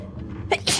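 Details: A VTuber sneezing during a ghost-game stream: a small clipped half sneeze, then a fuller, louder full sneeze over faint background sound. Sneezes 663-665, two and a half sneezes.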